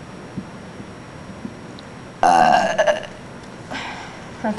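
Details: Person burping: a loud, drawn-out voiced belch, then a softer second burp in a quiet room; ordinary burping.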